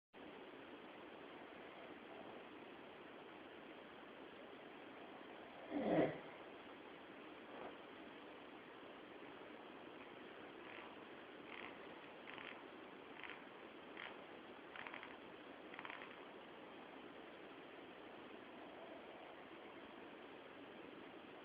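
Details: Night recording made by his wife of a sleeping adult man with bruxism, which led him to see a dentist: faint background with one louder burst and a run of brief scraping, grinding teeth sounds; sleep bruxism.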